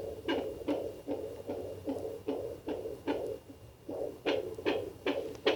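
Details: Rapid, regular whooshing fetal heartbeat of twins at 28 weeks 5 days on fetal Doppler, about 150 beats a minute, a normal fetal rate.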